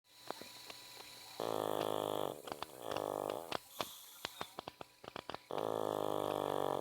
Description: Pug Dog Snoring Loudly